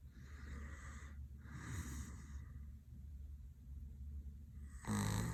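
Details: Low rumbling breaths with a soft rattle from a sleeping adult man passed out with open mouth and eyes rolled, then a louder snorting breath at the end; ordinary snoring.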